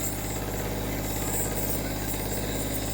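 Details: Steady mechanical hum with constant vibration from a home nebulizer compressor during a treatment for a coughing youngest child who once had mild pneumonia; the child is very restless and cries.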